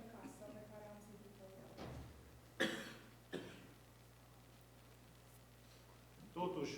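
A man's voice trails off, then two short, rough throat-clearing bursts sound in a quiet room.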